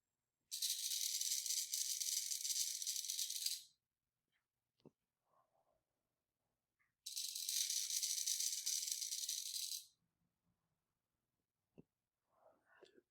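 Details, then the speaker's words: Student nurse demonstrating post-op teaching with an incentive spirometer: two long hissing airflow sounds, each about three seconds, from slow deep inhalations. "when we inhale we make sure we hold it for six seconds before releasing exhale and now we're going to inhale"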